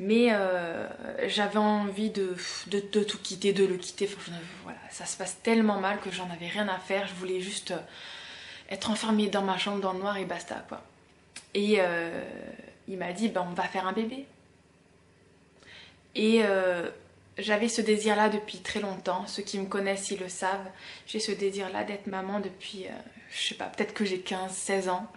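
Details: Adult woman, 32, with stuttering since about age 4-5; she says stuttering or blocks may occur here, especially when she is tired, upset or rushed.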